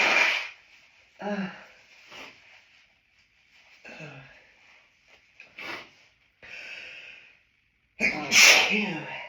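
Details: Adult hiding in a toilet cubicle after stifling sneezes at an outdoor lunch on a high-pollen day; about five sharp sneezes with gasping in-breaths between them; repeated hay fever sneezing.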